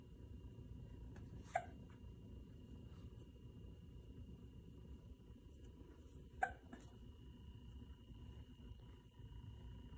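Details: Hiccups in a 12-month-old baby sitting in a bouncer: two sharp, short hiccups about five seconds apart over a quiet room hum.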